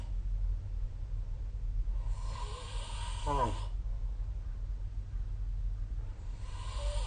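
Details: Snoring during sleep: a snoring breath with a rattling, snorting sound over a steady low hum.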